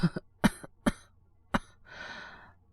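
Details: Acted cough by a male-voiced voice actor playing a young man with a cold: four short, dry coughs, then a breathy exhale.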